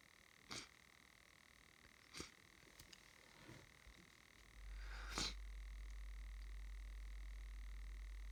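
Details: Adult with hay fever, sneezy after gardening: several short sharp nasal bursts and sniffs, then one louder sneeze over a low hum; hay fever sneezing.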